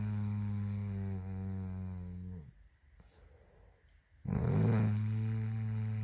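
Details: Snoring from a woman: a loud, low, rattling snore over two seconds, a brief quiet gap, then another loud snore beginning.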